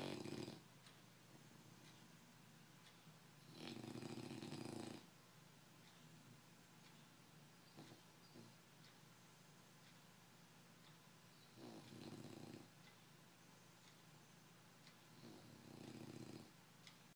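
Slow, rough snoring breaths with long pauses between, about five in seventeen seconds, in a quiet room: a sleeping dog snoring.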